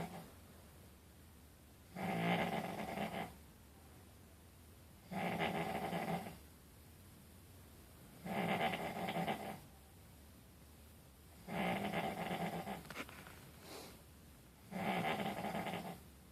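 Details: Sleeping dog snoring: five loud, rough snores at steady intervals, about 19 breaths a minute, with quiet pauses between.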